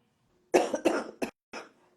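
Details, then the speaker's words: Adult host who says they are sick, with an affected voice, coughing at the start of a live online session. "so excuse my voice I'm so sick so I'll be coughing every five minutes but um it's pretty bad"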